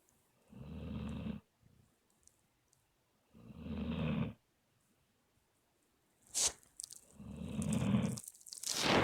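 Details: Aspen napping, snoring loudly: low rattling snores on in-breaths roughly every three seconds, with a few sharp rustling noises between.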